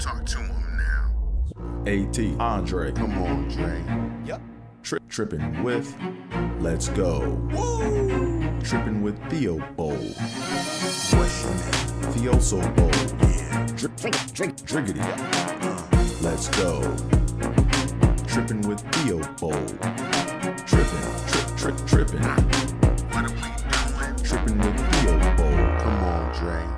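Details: Adult male with long-standing stuttering that he says traumatized him for decades; stuttering.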